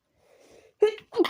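A soft indrawn breath, then a sharp explosive burst and a second short burst, fitting a sneeze.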